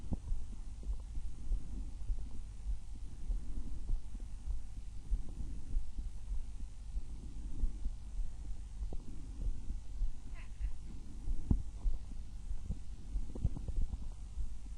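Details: An adult's own chest heard through a stethoscope at one of six sites: soft low heart thumps over gentle rising and falling breath noise; normal heart and breath sounds.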